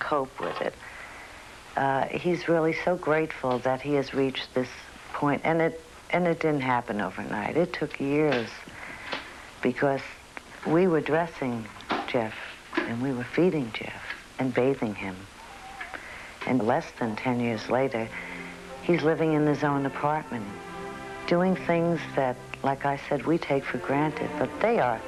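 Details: Adult woman speaking; normal speech.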